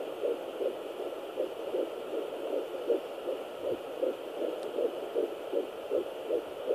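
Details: Fetal heartbeat at 11 weeks 6 days of pregnancy: fast, regular whooshing at about 158 beats a minute, within the normal range, with the baby repeatedly moving away.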